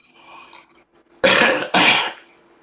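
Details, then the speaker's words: Two sharp, loose coughs with throat clearing, bringing up mucus during an ear-massage exercise in a vocal health singing lesson; cough with throat clearing. "we're going to keep doing this and right now I'm coughing again cuz it's actually releasing even more mucus from the system."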